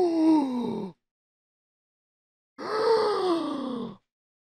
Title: Gasping - Sound Effect